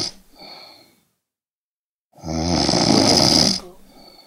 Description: This is the loop snoring sound effect